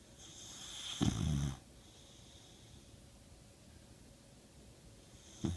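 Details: Snoring: a low rumbling snore, then a long quiet pause, then the start of the next snore.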